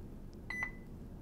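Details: Two short electronic beeps from an IV infusion pump keypad as buttons are pressed to enter the rate; normal device feedback.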